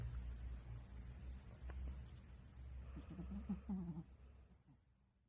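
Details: A sleeping, dreaming dog gives a low steady snoring rumble, then a brief run of soft, muffled whimpers and yips: snoring with sleep vocalizations.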